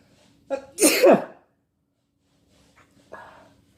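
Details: Adult man sneezing for the first time after taking chhinkni (sneezing powder): a quick in-breath, then one sharp, forceful sneeze followed by faint breathing, a single sneeze.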